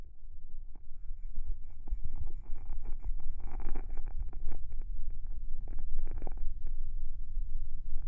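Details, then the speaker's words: Korotkoff sounds in a live blood pressure reading as the cuff deflates: low rumbling arterial noise with repeated tapping thumps, from phase 1 systolic tapping through whoosh, thump and muffling to phase 5 silence (diastolic). "phase two would be the whoosh phase three would be the thump and phase four would be a muffled sound with phase five is silent so that would be your diastolic"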